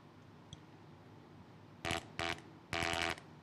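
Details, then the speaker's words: Laryngeal cancer survivor without vocal cords speaking with an electrolarynx: three loud, flat, mechanical buzzing bursts, steady in pitch, replacing natural voice. "Ito po, ang ginagawa nito ay nagpa-vibrate para lumabasan o tulog sa bibig ko. Ganito po yun."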